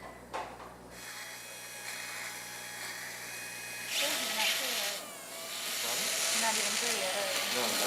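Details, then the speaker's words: Surgical drill boring holes into bone around the patient's eye, under general plus local anesthesia, for titanium facial prosthetic implants: high-pitched whine rising and falling as it bites, with steady hiss of continuous irrigation. "Now, holes are first drilled into the bone around Debbie's eye for the titanium metal implants."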